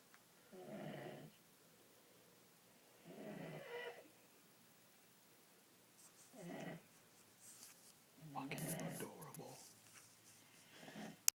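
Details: Five rough, snuffling snore breaths roughly every two to three seconds from someone asleep in a quiet room; snoring.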